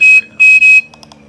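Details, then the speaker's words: Ventilator loss-of-oxygen alarm: oxygen supply not connected, O2 inlet pressure zero, triggered when FiO2 is turned above room air (21%); loud, high pulsed alarm tones, stopping when FiO2 is returned to 21%. "So when I go to turn up the oxygen here, and I grab this FiO2, and I turn it up past room air, it's going to know that there's nothing coming in"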